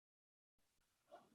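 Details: Two-year-old child with vocal fold movement impairment, heard after laryngeal reinnervation surgery; near-normal voice after laryngeal reinnervation.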